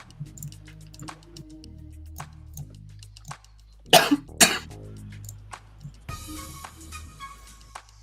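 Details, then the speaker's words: An adult's cough during a live online stream, first mistaken by listeners for a sneeze. "No, sorry. That was me coughing."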